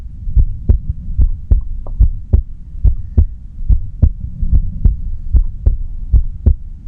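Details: Steady paired thumps at about 73 beats a minute with no extra sounds between beats; a regular, normal heartbeat.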